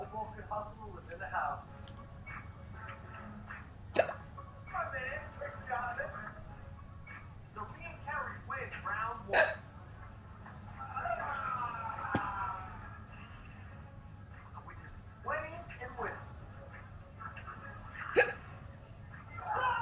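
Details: Girl hiccups with a little coughing, reportedly while smoking: a few sudden, sharp hiccup catches break into her ongoing talking, with soft background sound.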